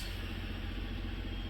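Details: Steady low mechanical rumble with a fine fluttering texture from a cough assist (mechanical insufflation-exsufflation) machine set to oscillation, cycling positive and negative pressure while the user is coached to inhale deeply during a trial.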